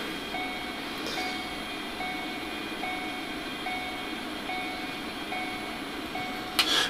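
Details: Alarm from an Invivo M12 patient monitor with an SpO2 lead on a finger: repeating two-tone electronic beeps about every 0.8 seconds over steady room hum.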